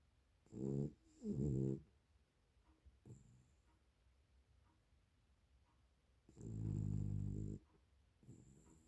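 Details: Snoring in a sleeping dog cuddling with a cat: irregular rumbling snorts and snores of varying length with quiet gaps, some growl-like.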